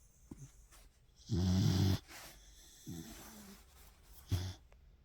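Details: Low rattling breaths in sleep from a dog, one loud and two softer: snoring.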